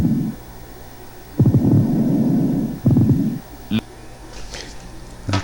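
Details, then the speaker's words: Patient with tuberculous pleuritis: rough, grating, low-pitched rubbing sounds in bursts during both inspiration and expiration, like two irregular surfaces rubbing together; pleural friction rub. "escuchen ustedes el frote el roce rasposo como si dos superficies irregulares rozaron entre sí en un momento dado tanto en la inspiración como en la espiración"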